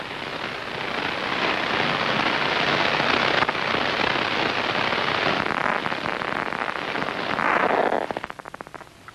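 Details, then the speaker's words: Extracellular electrode advancing into a cat's visual cortex while patterns of lines are waved before the eye: loud hiss giving way to rapid crackling clicks, action potentials of a cortical cell emerging from background noise. "what you heard was some action potentials growing out of the background noise as the electrode approached a cortical cell"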